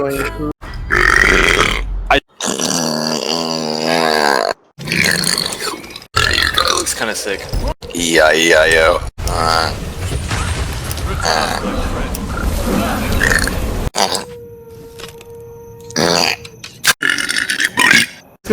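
Several long, croaking belches with music and some talk in the background; repeated burping.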